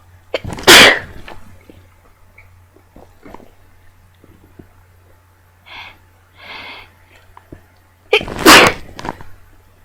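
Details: A few sneezes in a row, possibly about four.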